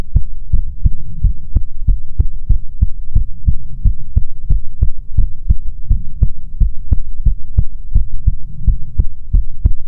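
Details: Steady, evenly spaced low thumps in a regular rhythm over a faint hum, in an ASMR heartbeat recording meant to be soothing; heartbeat.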